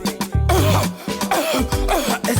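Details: A couple of short, acted cough bursts over loud upbeat music in a tuberculosis awareness announcement urging a TB test for cough lasting over two weeks.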